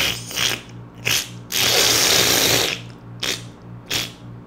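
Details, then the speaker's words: Suction aspirator during a surgical abortion, recalled by the patient: loud rough mechanical whooshing and rattling bursts with a steady low motor hum. "Le pire c'est quand ils mettent l'aspirateur puis qu'on entend le son."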